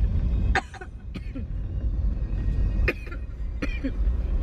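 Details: An adult woman gives four short, sharp coughs spaced over a few seconds, over a steady low car-engine rumble; a plain cough.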